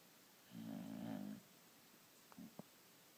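A single low, rattling snore lasting about a second, followed by quiet breathing and a small snort.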